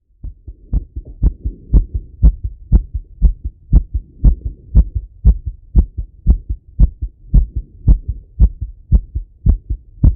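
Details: Male's own heart auscultated with a stethoscope after a workout set: fast, regular heartbeat, about 118 beats a minute; normal heart sounds, fast rate after exercise.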